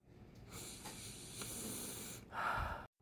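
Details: Long, hissing breath in through the nose, then a harsh, snorting outward sigh, from a person reporting nasal collapse or possibly a deviated septum; noisy nasal breathing.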